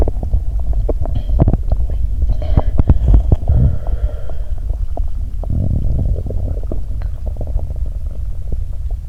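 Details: Belly sounds during a Mentos and 1.5 L cola challenge, recorded before lying down for stethoscope recording: low gurgling rumbles with frequent brief clicks and bubbling pops throughout; active stomach and bowel sounds.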